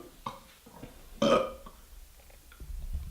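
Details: A single loud, throaty burp rising out of low room noise and faint background sounds, from a burp compilation of two brothers.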